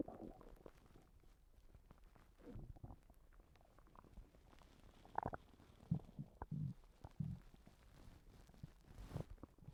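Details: Stomach noises from someone recently sick and vomiting: irregular low gurgles and bubbling rumbles with a few louder squelches, ordinary stomach and bowel rumbling.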